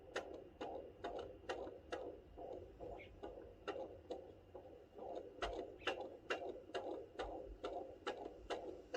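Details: Fetal heartbeat at 32 weeks of pregnancy (fourth baby) on Doppler: rapid, regular whooshing at about 136–139 beats per minute, a normal fetal rate.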